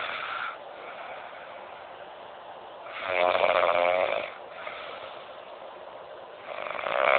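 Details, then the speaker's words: Snoring from an adult male cousin who thinks he doesn't snore: loud rattling, fluttering snore on each breath in, with quieter breathing between. "he so cousin thinks he doesn't snore he may not be able to see us but you can hear and listen"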